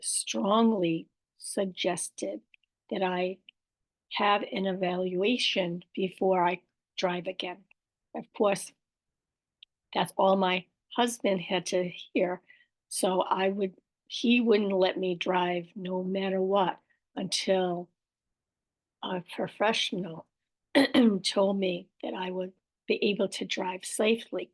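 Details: Aphasia with apraxia of speech and dysarthria after a stroke in an adult woman, with word-finding errors, repetitions and self-corrections.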